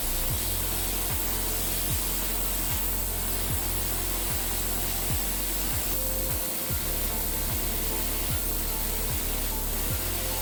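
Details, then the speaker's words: Rotary podiatry drill cleaning back a damaged, discolored, deviated toenail on a woman runner whose nail had come off: steady high-speed grinding hiss. "And what I'm going to do now is just drill and clean everything back. Bear with me, please. Yep, well done. You okay? Yep. Good. More drill, please, Stephanie."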